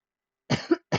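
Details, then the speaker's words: Adult coughing during live stream: two short, harsh cough bursts after silence, first rough and throaty; speaker calls it a stoned cough, not COVID. "me. At least we know it's not a COVID cough. It's just a stoned cough."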